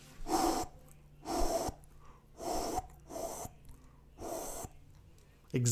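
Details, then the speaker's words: Vocal imitation of a holosystolic mitral regurgitation murmur with a premature beat: steady whooshes, one early beat, and no change in murmur intensity after the compensatory pause. "the beat after the premature beat has lots of time for ventricular filling and now when it contracts the volume is going to be a much greater volume of blood and it makes a louder sound here's what you hear with a premature beat in mitral"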